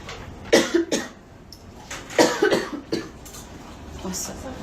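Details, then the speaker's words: Adult woman with an ongoing cough who says she needs cough syrup: two runs of short, harsh coughs, about six in all, with room noise; repeated dry-sounding cough. "gente, você desculpa pel essa tosse, mas tá osso."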